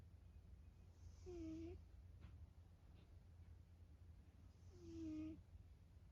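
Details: Two soft, tonal snores from a sleeping former stray cat, each on an in-breath, about four seconds apart, over quiet room hum; ordinary snoring.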